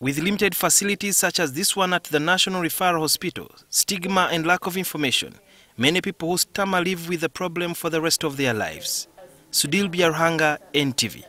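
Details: Adult male news reporter; normal speech.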